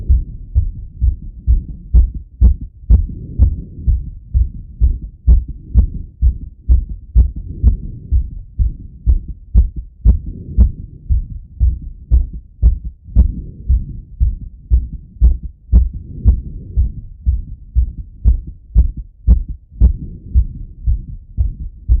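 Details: Adult male listening to his own heart by stethoscope after a workout set: fast, strong, regular heartbeat, normal heart sounds with exercise-raised rate.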